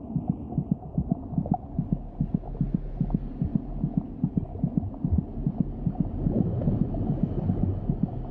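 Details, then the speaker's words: Rapid fetal heartbeat, beating about twice as fast as the mother's heart. Monitoring it indicates the baby's general condition. "the baby's heart beats about twice as fast as her mother's monitoring her heartbeat gives a good indication of her General condition"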